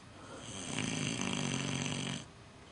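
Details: Very loud, harsh, rasping snore under two seconds from a sleeping micro pig outside at night; snoring.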